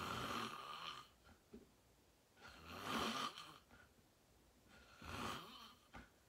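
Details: Adult self-recorded asleep, falling asleep fast at 8:45 into deep sleep: slow, loud, rough rattling snores on the in-breath, about two every six seconds; heavy snoring.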